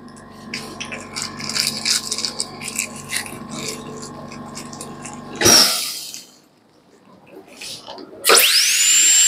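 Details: Air rotor handpiece on a portable dental unit with inbuilt scaler (pneumatic, 0.6 MPa, 65 L/min air flow): steady hum with bursts of noise, then high-pitched whines rising sharply as the high-speed handpiece spins up.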